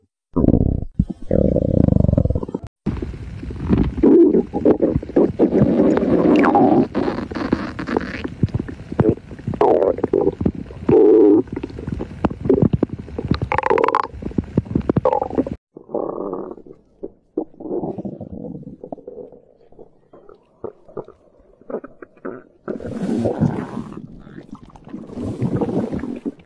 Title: Stomach gurgling sound effect